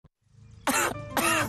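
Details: Acted adult cough in a cough-medicine TV commercial: two harsh, forceful cough bursts about half a second apart, with faint low room hum between them; cough.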